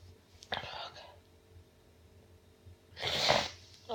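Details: Nonstop sneezing: two sharp, airy sneezes in a quiet room, one after another, followed by exclamations between further sneezes.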